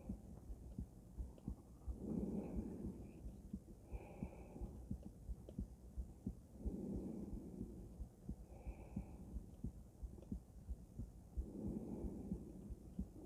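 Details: Normal heart sounds of a female, auscultated with various stethoscopes at Erb's point, mitral, tricuspid, aortic and pulmonic areas: soft regular heartbeats near 88 a minute with breath sounds and some handling noise.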